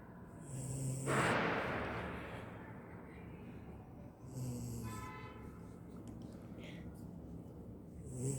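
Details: Snoring in a sleeping beagle dog: soft snorting, rumbling breaths every few seconds under background noise.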